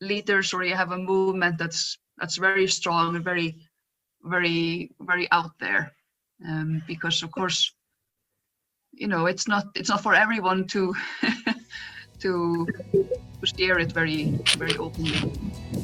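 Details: Adult woman who stutters and describes being photographed in her stuttering block; stuttering.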